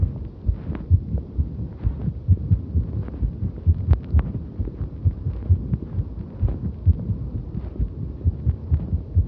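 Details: Heartbeat recorded during cycling exercise: fast, somewhat irregular low heart thumps under rumbling movement noise. The person reports feeling quite a number of skipped beats during the ride.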